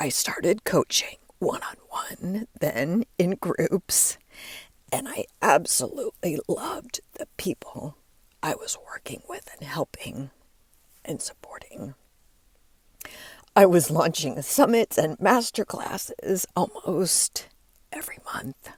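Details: Adult woman with diagnosed spasmodic dysphonia, which she links to stress; her voice began to fail and she says it is still audible as she works through it; spasmodic dysphonia.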